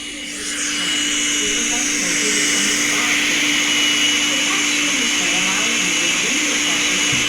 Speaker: they're telling you where to put your feet and you hear this loud noise in your ear